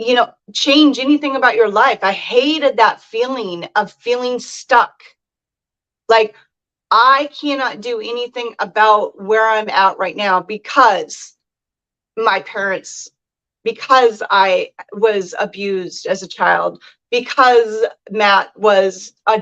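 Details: Adult speaker; normal speech.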